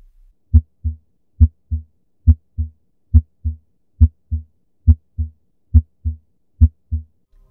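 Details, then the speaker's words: Steady paired lub-dub heartbeats about 69 a minute, clean without murmurs; real heart sounds from a quiz case: normal first and second heart sounds. "Gomme karabo ye e nepagetšego ke Medumo ya pelo ye e tlwaelegilego."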